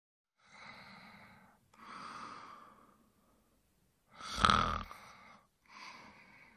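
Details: Adult male asleep, slow noisy breaths in and out with a faint rough buzz on each breath; snoring.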